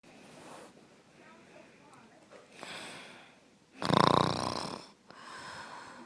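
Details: Soft breathing noises, then one loud, harsh, rattling snore on a breath, followed by quieter noisy breaths; snoring.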